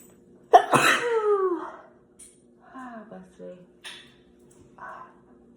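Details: One loud, abrupt sneeze with a voiced trailing 'choo' on Thanksgiving Day, followed by softer voice sounds.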